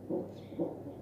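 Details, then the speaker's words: Fetal heartbeat on a CTG monitor in late pregnancy (third trimester): rapid, regular whooshing pulses at about 127–130 beats a minute, varying. "Nah kalau rata-rata denyut jantung normal pada janin itu sekitar 110-120 kali per menit lalu baby aku dia nunjukin Berapa jauh 127 128 1300 begitu ya berubah-ubah"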